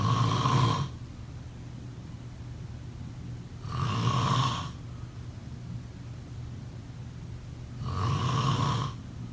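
Three steady, droning snores about every four seconds, around 15 breaths a minute, with faint background hum.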